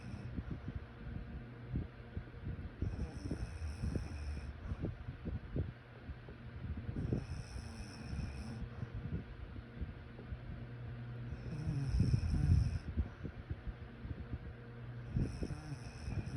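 Low, fluttering snorts and rough breathing over a steady background hum. Snoring during sleep.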